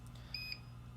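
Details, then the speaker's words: Power failure alarm of a Salute RDX alternating pressure mattress pump, triggered when power to the unit is cut, including switching off at the rocker switch rather than the control panel: two short high-pitched beeps over low mains hum. "so you heard the power failure alarm go off a second ago anytime that power is cut to the unit included if you turn it off improperly which is just turn it off from the from the switch instead of from the control panel itself that power failure alarm will go off"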